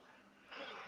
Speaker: >> Excuse me. Sorry, I had to sneeze.